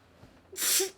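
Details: Staged sneeze by a man in a scripted short comedy film: a single sharp, hissing sneeze burst after a brief quiet intake.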